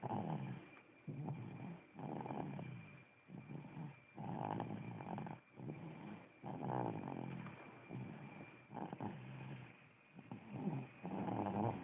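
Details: Steady rattling snores from a sleeping dog at about eleven breaths a minute, each rough sound running through the whole breath.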